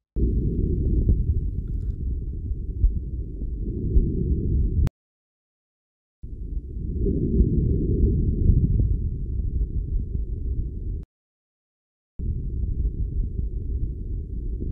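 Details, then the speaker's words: Normal vesicular breath sounds through the stethoscope diaphragm at the costal and subaxillary areas with arms raised, compared on both sides: soft, low-pitched, mostly inspiratory breathing, equal in intensity and tone on both sides. "normal breath sounds are almost exclusively inspiratory sounds soft and low in tone as a whole there are two components"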